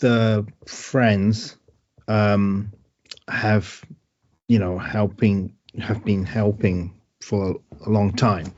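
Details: Man with aphasia after a stroke: word-finding difficulty and great difficulty with numbers.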